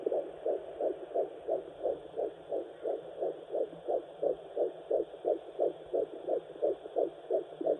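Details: Fetal heartbeat at 9 weeks of pregnancy on a fetal Doppler, in the mother's third pregnancy: rapid, regular whooshing beats at about 176 a minute.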